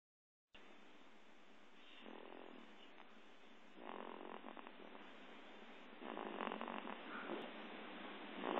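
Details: A sleeping pet snoring: soft, fluttering, rhythmic breathing noise growing louder with each breath, over a hissy recording; light snoring.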